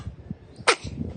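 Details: Baby only days old gives one small, sharp sneeze after a faint intake of breath; normal newborn sneeze reflex.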